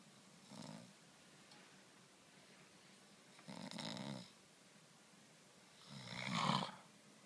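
Three slow, rattling snores at about 25 a minute over steady room hiss.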